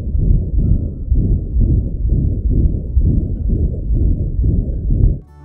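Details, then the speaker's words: Loud, continuous low whooshing heart murmur with regular surges about once a second, in a dog or cat; loud murmurs may be accompanied by a palpable buzzing thrill. "heart murmur can be soft and quiet like this or they can be very loud sometimes accompanied by a buzzing feeling like"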